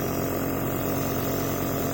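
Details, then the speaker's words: Continuous low buzzing motor hum of an Omron NE-C106 compressor nebulizer running, producing mist for inhalation through the mouthpiece or mask. "Only thing now you need to do is to start this machine. If you can see, the vapors will start coming out of this part, and you have to inhale through this."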